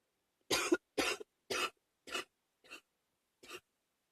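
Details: Adult with a common cold coughing: six short, harsh coughs in quick succession, fading toward the end.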